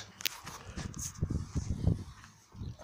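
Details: Top boar pig asleep while sunbathing outdoors: low, rough grunting rumbles of ordinary harmless snoring, with faint outdoor noise.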